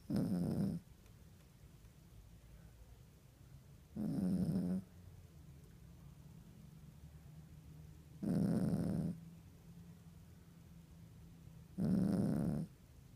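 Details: Sleeping dog snoring: four loud, low, rattling snores roughly every four seconds, about 15 per minute, with quiet breathing between; snoring.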